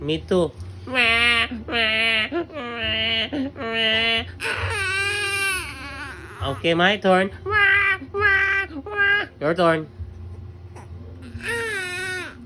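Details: Baby crying: loud, rhythmic wailing cries with brief catches of breath between bursts, in a small room.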